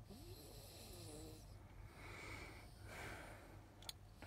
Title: Snoring child in an RV- the struggle is REAL!